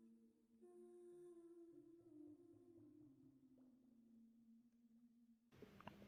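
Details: Stomach growling in a pregnant woman, relaxing before contractions began: a long, low, drawn-out gurgling groan slowly drifting in pitch, then a brief rustle.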